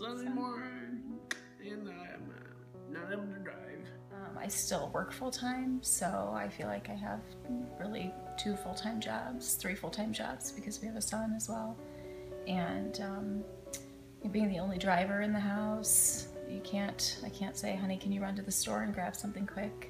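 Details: Adult woman speaking; Normal speech.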